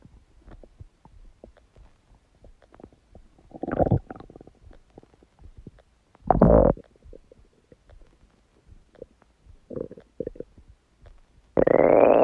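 Quiet bubbling with several loud, drawn-out gurgles and groans from the belly; ordinary stomach gurgling.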